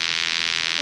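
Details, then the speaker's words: Repetitive peripheral magnetic stimulation for a male patient with diabetic neuropathy pain, set to a peripheral pattern in dynamic mode along the nerve course, with intensity being increased: rapid pulsing buzz from a fast train of pulses; magnetic stimulation machine operating. "இந்த ஆர்கேமஸ் machine வந்து என்ன பண்ணனும்னா dynamic மோடுல through out அந்த nerve course அந்த nerve எங்கெல்லாம் supply பண்ணுதோ எந்த மச்ல எல்லாம் சப்ளை பண்ணுதோ அந்த நெர்வ் கோர்ஸ் ஃபுல்லாவே வந்துட்டு கொடுப்பாங்க"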